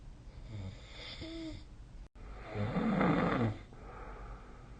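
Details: Snoring during sleep: rough, rattling breathing sounds with a louder snore burst.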